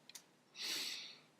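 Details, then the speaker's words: Nasal snorting from a pet cat that has been sneezing, owner suspects a cold or upper respiratory infection: a short snort, then a longer hissy breath through a congested nose. "think he has a cold because he's been sneezing and now he's snorting."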